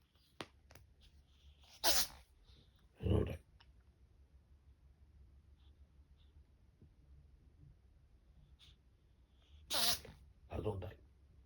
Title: caught my cat sneezing! 🤧 #allergies #allergy #season